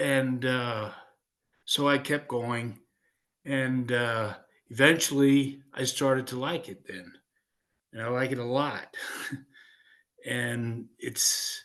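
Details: Aphasia in a 56-year-old man following a stroke in 2016, who sings in a neurological choir.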